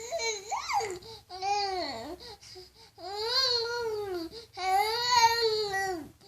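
Several drawn-out, high-pitched wailing cries with brief pauses between them, typical of an infant crying, in a small quiet room.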